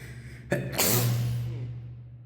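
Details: One loud, explosive sneeze with a quick in-breath before it, echoing and fading in a reverberant stairwell, recorded while climbing the stairs during a sneezing fit; sneeze.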